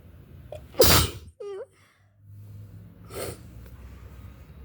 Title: REALLY SICK FLU SNEEZES, Strong, spray, sniffling, something at the end 🤧